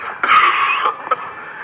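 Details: An acted, wet-sounding cough with a strained, drawn-out burst and a second short hack, portraying a TV drama character coughing up blood; simulated, not a real patient.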